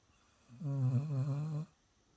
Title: Rex Snoring